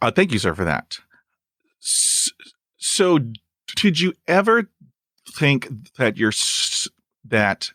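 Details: Adult male with persistent stuttering, including blocks and long pauses, who uses helper words; stuttering.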